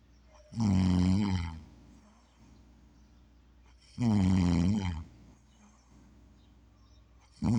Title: snoring 3 #unidentifyed